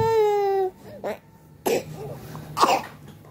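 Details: Sick child with a cough: a brief whining cry, then three short, harsh coughs with whimpering between them.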